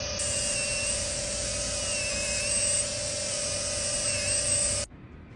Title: Tooth Composite restoration with fiber post after root canal treatment #dental #dentist #teeth